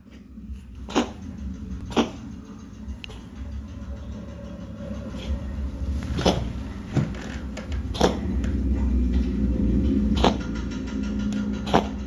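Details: A male cat coughing and wheezing, breathless, with repeated short, sharp coughs over a low rumbling background. A vet gave a steroid injection, and the cat died suddenly of heart failure three months later.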